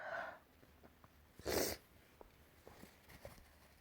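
A single sharp burst sneeze in a quiet room, with soft breathing before and after.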